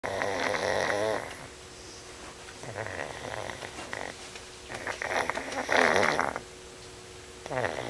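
Loud, rattling snores with each breath in, separated by quieter pauses and a faint steady tone in the room; snoring in a flat-faced dog.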